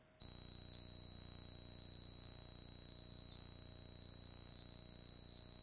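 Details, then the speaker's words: Simulated tinnitus: a steady high-pitched ringing tone, demonstrating the ear ringing heard after too-loud noise exposure, a warning sign that can become permanent. "I'd like to play a little tonitis demonstration for those of you who aren't afflicted by it. Let's let's let you just have a moment of experiencing tonitis in your lives."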